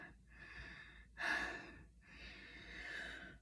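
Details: Person chugging root beer in a challenge to avoid burping, giving a few loud, effortful breaths with one sharp, gasping inhalation; gasping.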